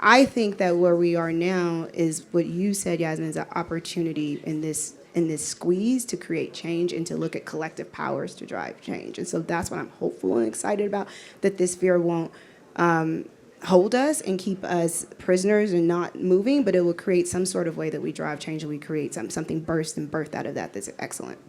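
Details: Adult woman speaking; normal voice.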